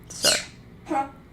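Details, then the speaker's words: Dog giving two short, harsh, throaty bursts, a cough then a gag, with sound throughout; the owner judges the dog okay because the cough is audible. "as long as the cough has sound in it everything's okay that's the rule with babies and that's the rule that I'm taking to be true with dogs as well"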